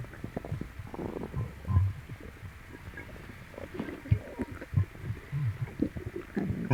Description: I stroke my poor tummy clockwise it hurts and gets upset... I must have eaten something or I will still be filming these tummy sounds:(